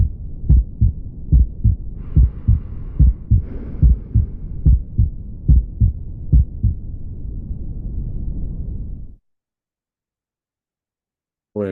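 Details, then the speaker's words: Aortic stenosis murmur radiating to the neck, played as a real-time stethoscope recording: regular heartbeat near 72 per minute with a harsh murmur between beats. "Bueno, les puse este audio solo para que escuchara el cómo se se oye el soplo así ya en tiempo real en una estetuscopia. Esta es una estenosis aótica que se irradia hacia el cuello."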